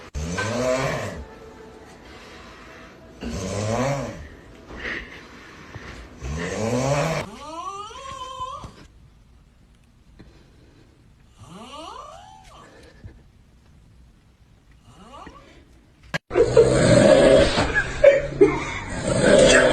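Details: Three loud, rattling snores about three seconds apart, then thin whistling breaths and a burst of noise; funny snoring; snoring.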